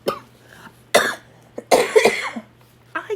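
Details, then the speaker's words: Adult woman with a lung problem, on prednisone increased to 40 mg daily and recently taking cough medicine: persistent cough with several harsh bursts, including a run of two to three coughs close together. "so I said okay I just took some cough medicine I should be okay for a while but I don't mean to annoy anybody with my cough so you might hear me do that"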